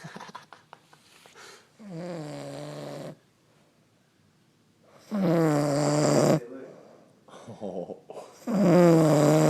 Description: Girl passed out snoring...make sure you see the end!